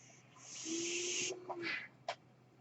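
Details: Sound of the speaker's own mechanical ventilator during recorded speech, which the speaker identifies as the noise heard: a mechanical ventilator breath cycle.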